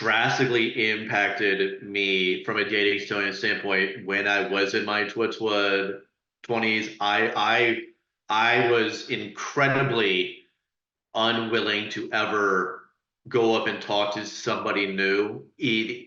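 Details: Adult who stutters, real, speaking as a panelist sharing personal experience in a National Stuttering Association webinar on dating and stuttering: stuttering.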